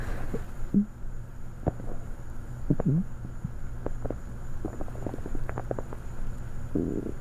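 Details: Low gurgling, squeaky rumbles and bubbling pops from an empty stomach of someone who had not eaten that evening and was very hungry, over a steady hum: hunger stomach growling (borborygmi).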